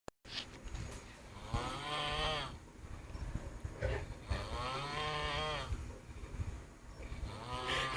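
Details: Person snoring after drinking five pegs of rum: loud, rough, droning snores on each breath in, roughly every two seconds; heavy snoring.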